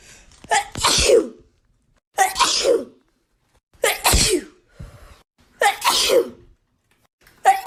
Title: Wet sneeze compilation